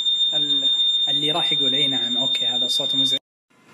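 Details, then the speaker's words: Dräger Infinity V500 ventilator at startup in adult mode before calibration, with no patient: a steady high-pitched alarm, "perform device and breathing circuit check", sounds then stops, with a man talking over it. "فعلى طول من اشتغل طلع لي الارم اللي هو بريفورم ديفايس اند بريثينج سيركت تشيك."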